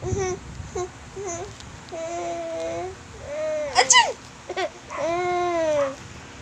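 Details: An infant laughing at a sneeze: short, high-pitched squeals and babbling with one brief sharp burst in the middle, laughing rather than distressed crying.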